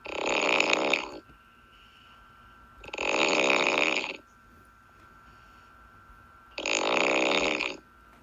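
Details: Snoring during sleep.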